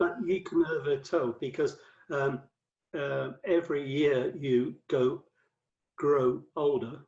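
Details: Adult male with aphasia after a massive 2013 stroke that left him paralyzed; five strokes, cerebral amyloid angiopathy; mainly word fluency, worse when tired or stressed, with reading and writing difficulty; aphasia.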